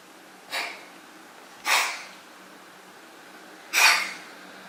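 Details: Cat coughing: three short, dry, hissing bursts over about four seconds with quiet room noise between them.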